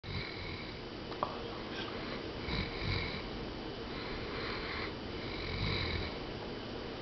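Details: Snoring in a Great Dane asleep on a couch: soft, rhythmic rasping breaths at rest, a few slow cycles with faint room noise.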